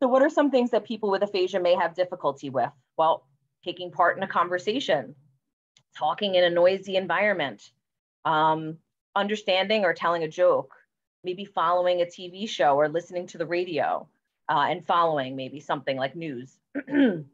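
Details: Adult woman; normal speech.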